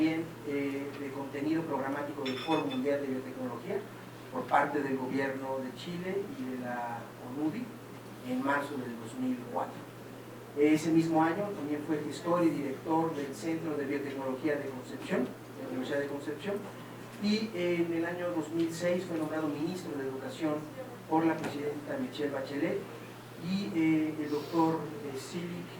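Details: Adult speaker; normal voice.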